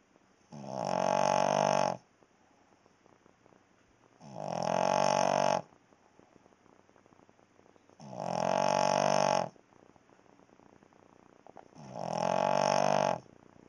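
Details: A sleeping Cavalier King Charles Spaniel gives loud, buzzing snores, each on a breath in, about 16 per minute; the owners say it snores like this all night long.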